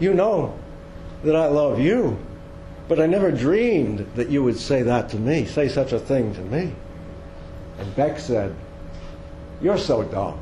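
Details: Woman with dementia diagnosed at age 53, type undetermined (Lewy body, frontotemporal or Alzheimer's), recorded soon after moving to assisted living while still able to walk; fragmented, repetitive speech in dementia.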